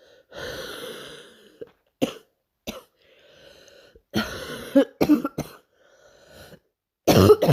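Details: Adult night cough: several bursts of coughing, some long and rough, others short and sharp, with quiet pauses between.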